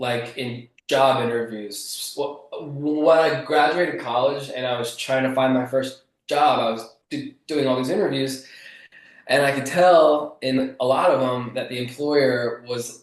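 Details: Adult male author who grew up with a stutter, a lifelong developmental stutter that is still audible in his speech; stuttering.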